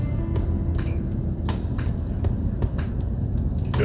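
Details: Transcranial magnetic stimulation over the motor cortex, off-label for stroke recovery 22 years after stroke in a woman who uses a wheelchair, early session, intensity being increased from 20%: sharp snapping clicks about every half second over low hum.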